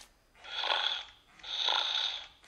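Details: A plush toy dog's simulated sleeping snore: two long, hissing, rasping breath sounds about a second apart.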